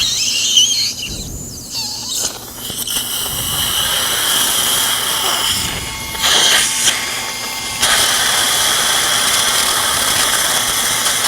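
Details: A loud, high-pitched whining squeal starts, stops and restarts, with faint talk behind it: a dental implant drill preparing bone in the upper right jaw of a 71-year-old woman with periodontal tooth loss, near the sinus.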